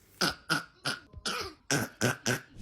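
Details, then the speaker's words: A rapid run of about seven harsh coughs with barely a pause for breath, typical of a whooping cough fit: whooping cough (pertussis). "I just want to kind of show you what whooping cough sounds like."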